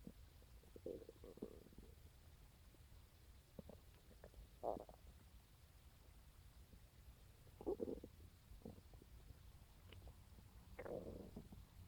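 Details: Morning stomach growling recorded on a phone on waking: irregular low gurgles and groaning rumbles in several bursts over about twelve seconds; ordinary borborygmi, normal bowel sounds.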